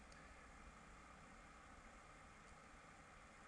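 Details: Endoscopic microsuction of thin, peeling, flaky ear wax in a very narrow ear canal using a fine-end suction tube: steady, loud rushing hiss with a low continuous suction hum.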